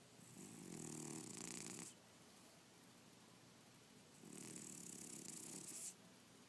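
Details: Cat snoring while snoozing: two long, rough, rattling snores on the in-breath with a quiet pause between them; ordinary snoring in a small room.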